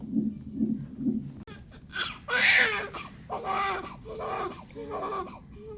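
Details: A newborn just delivered in hospital gives a few soft whimpers, then several loud wailing cries with brief pauses between them; ordinary newborn cry.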